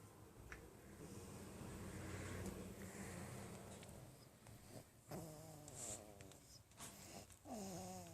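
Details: Sleeping baby: soft, rattling snoring breaths with some squeaky nasal sounds over room noise; light infant snoring.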